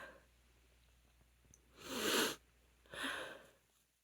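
Two forceful sneezes in a row, the first with an indrawn breath before it, in a quiet room. Sneezing.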